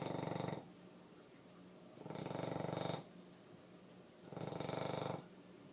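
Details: Female bully-breed dog snoring: three loud, fluttering snores a couple of seconds apart, each with a rapid rattling vibration, with soft breathing between them.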